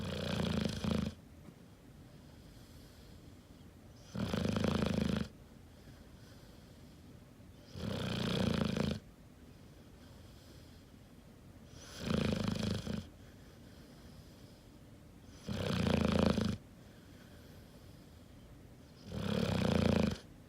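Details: 5-month-old English Mastiff puppy snoring while asleep, loud enough to wake owners at night: loud, regular, rattling snores, about 17 a minute, with quiet gaps between them.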